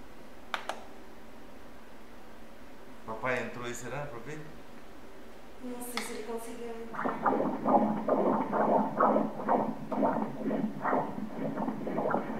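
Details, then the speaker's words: Rapid, regular whooshing fetal heartbeat at 130 beats per minute on obstetric Doppler ultrasound at 34 weeks of pregnancy, third trimester; umbilical and uterine artery indices normal, mother's blood pressure normal. Normal fetal heartbeat. "Vamos ouvir o coração do bebê batendo. Repara o coração do bebê batendo."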